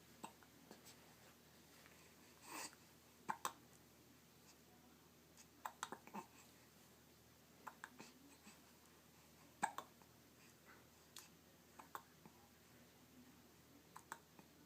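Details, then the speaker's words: Newborn baby, awake and moving his hands: brief, sharp catching sounds at irregular intervals, roughly nine a minute, in a quiet room; hiccups. "oh so busy oh no now we got the hiccups oh no we got the hiccups oh there's a hand all those darn hiccups"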